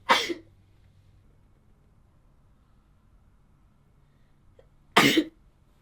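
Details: Morning sneezing fit: two sharp, explosive sneezes about five seconds apart in a quiet room; ordinary sneezing.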